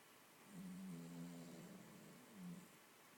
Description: Arthur the Cavalier snoring like a drunk